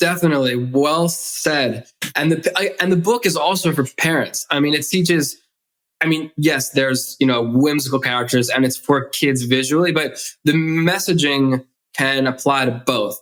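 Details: Stuttering in an adult male who has stuttered since childhood, in spontaneous conversational speech.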